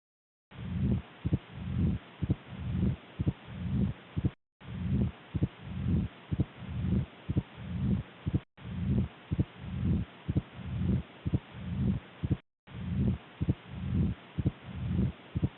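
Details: Mitral stenosis on heart auscultation: regular heart sounds near 60 a minute with a loud first sound and a low rumble filling diastole.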